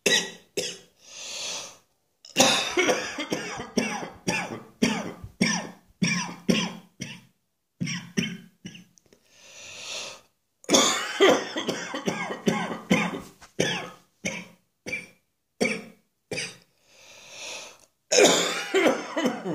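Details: Adult's New Year's Eve morning coughing fit following an earlier one, as often happens once the lungs are stimulated: prolonged, with rapid bursts of harsh coughs and gasping breaths between runs.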